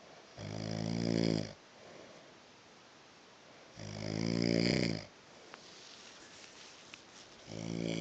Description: Watch as the snoring gets louder and louder!! love this man!!